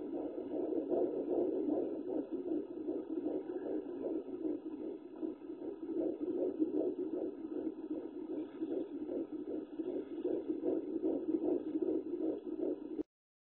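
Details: Fetal heartbeat at 16 weeks and 3 days of pregnancy on Doppler: rapid, steady whooshing pulses at about 150 beats a minute.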